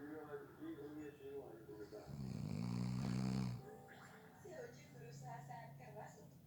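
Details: Snoring during a nap, person overslept after falling asleep within 30 seconds: one loud rattling snore on the in-breath with quiet room noise.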